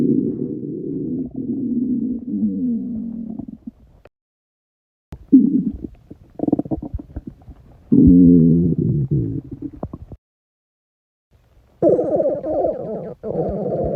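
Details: Stomach rumbling after a 48-hour fast: long, low gurgling and groaning rumbles in several bursts with short pauses; hunger-related borborygmi.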